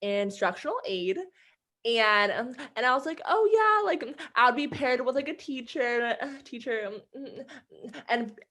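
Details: Adult woman who stutters, with repetitions in her speech; stuttering.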